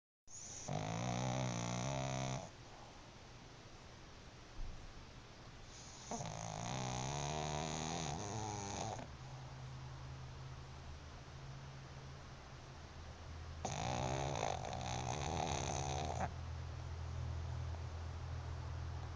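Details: Loud, rattling snores from a sleeping small dog, three long breaths in with quiet gaps between; snoring.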